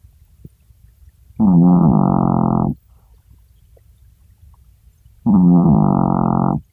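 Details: Chihuahua sleeping: two loud, drawn-out, horn-like snores about four seconds apart, each over a second long, surprisingly loud for a tiny dog; snoring.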